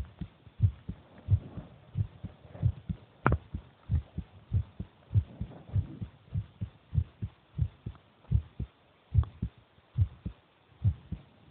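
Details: Heartbeat of the speaker's brother recorded while he eats: regular low thumping at about 98 beats a minute with faint rustling and chewing noise; normal heartbeat.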